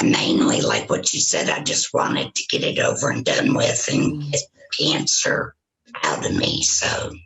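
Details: Woman with total laryngectomy for throat cancer, vocal cords removed, speaking with a tracheoesophageal puncture voice prosthesis; tracheoesophageal speech after total laryngectomy.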